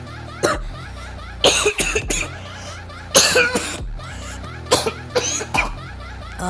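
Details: Repeated harsh coughs in short clusters, about nine bursts, over a steady low hum: a coughing fit shown as tren cough, a side effect of trenbolone used in bodybuilding.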